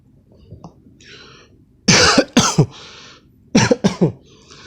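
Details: Two short bouts of harsh, throaty coughing from an adult man, about six coughs in all, with throat clearing.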